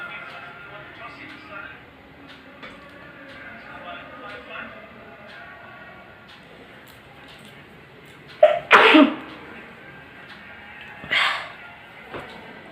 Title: Sneezing challenge